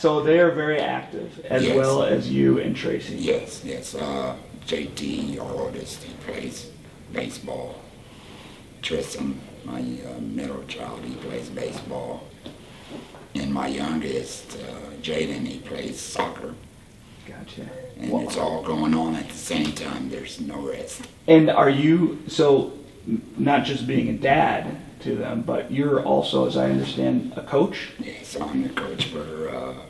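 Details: Tracheoesophageal speech in a 38-year-old man using a Provox voice prosthesis after total laryngectomy for cancer.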